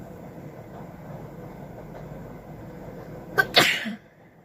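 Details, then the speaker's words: Deliberately induced sneezing with a stick in a woman's nose, nose burning and eyes watering: a quiet in-breath catch then one sharp explosive sneeze over steady background rumble. "এই হাঁচি দিতে দিতে খুব নাক জ্বালা করে, জানো তো বন্ধুরা। চোখ দিয়ে জল চলে আসছে।"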